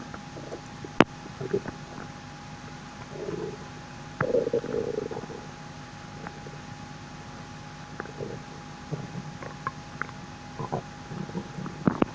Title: my strange squeaking bowel sounds (trapped toots) 😳😳😳💓💨